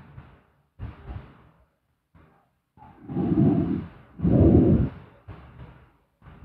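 Slow, deep, rasping breath sounds with louder rumbling on two breaths; snoring during sleep.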